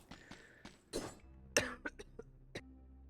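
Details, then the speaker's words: A person who is still sick coughs repeatedly, heard through heavy audio filters: two or three harsh, short, muffled cough bursts over video game music and sound effects; cough. "Jesus Christ, guys. I had to pause for a long time, dude. I just couldn't stop coughing. So I'm sorry."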